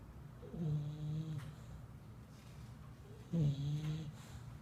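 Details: Bulldog snoring while asleep: two loud, low, rattling snores with a droning tone.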